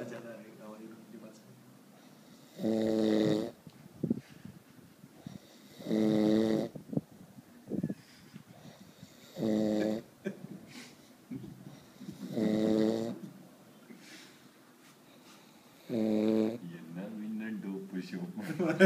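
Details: Loud, buzzing snores on each inward breath, about 18 a minute, with quieter breathing between them; snoring.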